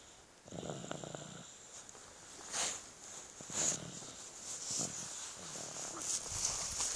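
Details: Pet dog Leo asleep, soft irregular snuffling snores over a steady high hiss and faint room noise; light snoring.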